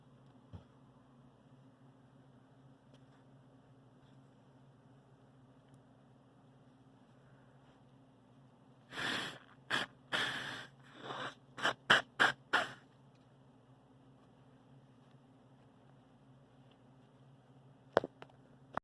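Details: Sneezing and snorting in someone with bad seasonal allergies: quiet room, then a cluster of about seven wet, snorting, sneeze-like bursts over four seconds, with a faint sniff at the end.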